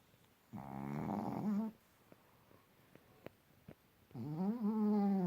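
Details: Pekingese dog snoring: two loud, rattling, throaty snores about three seconds apart, with quiet breathing and faint clicks between them.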